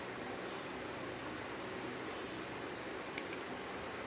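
Steady airy motor hiss with a faint click: a battery-powered baby nasal aspirator running.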